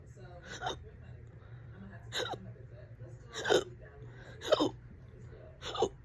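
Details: Fast, loud hiccups, on and off all day, this bout about 30 minutes: five sharp hiccups about one a second, each a sudden voiced catch of breath, with steady room hum behind.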